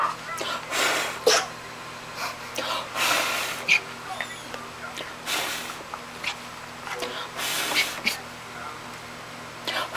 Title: World's cutest puppy sneeze bark